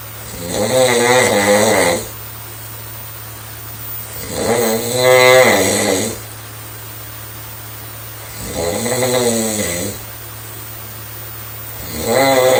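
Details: Young girl snoring: loud, vibrating snores with a buzzing, fluttering quality, about 15 a minute, over a steady low background hum.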